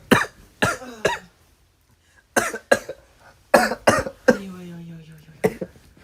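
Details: A K-pop idol coughs after something went down the wrong way (choking).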